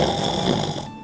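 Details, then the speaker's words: Human snoring demonstration of snoring with the airway still partly open: a brief, rough, low, fluttering snore on a breath that fades out. "기도가 어느정도 열려있는 상태에서는 아"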